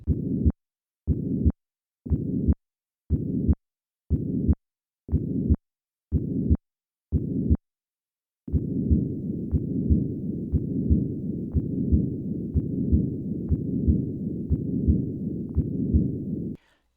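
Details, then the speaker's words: Heart sounds at the second left intercostal space: systolic component bursts at 60 a minute, then added diastolic component forming a continuous machinery murmur peaking at the second heart sound, declining in diastole: patent ductus arteriosus. "to demonstrate how this continuous member Peaks at the second heart sound I will begin with the systolic component of this murmur and then add the diastolic component"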